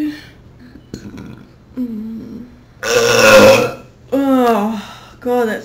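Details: Burping attributed to fizzy drink (soda): a long, loud, rumbling burp followed by two shorter voiced belches, with brief talk before them.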